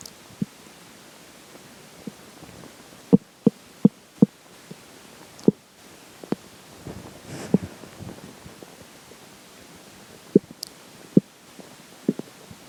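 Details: Scattered short pops and clicks with a brief low gurgle over steady hiss, after a slice of pizza for breakfast and McDonald's for lunch; ordinary stomach growls of digestion.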